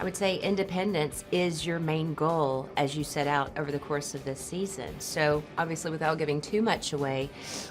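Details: Adult woman (interviewer); Normal speech.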